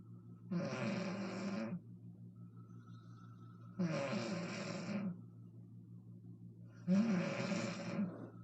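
Three loud, rough, rattling snores on the in-breath, about every three seconds, with quiet breathing between: ordinary snoring.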